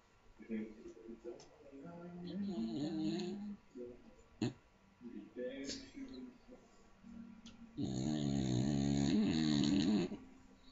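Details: Loud snoring in a sleeping Staffordshire Bull Terrier: irregular snorting breaths building to a long, loud, vibrating snore near the end.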